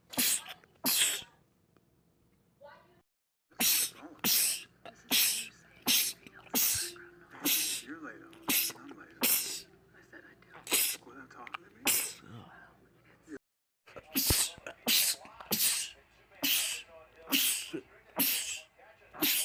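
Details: Sneezing from a compilation of men's rapid sneezing attacks: about 20 sharp, forceful sneezes in quick bursts with short pauses, over faint background voices.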